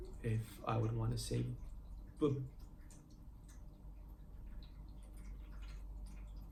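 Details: Stuttering block lasting several seconds on a word, produced without the speaker's usual breathing techniques; he says it is the longest block he has had on camera.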